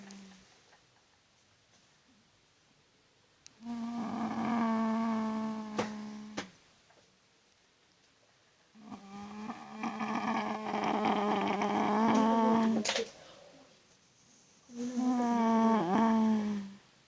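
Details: A sleeping girl snores loudly, in a way a companion calls not a normal snore: loud, buzzy, strongly tonal snores, three in about seventeen seconds, with quiet pauses between them.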